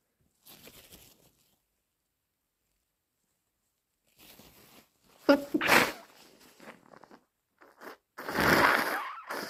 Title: Messy cold sneeze and thick blows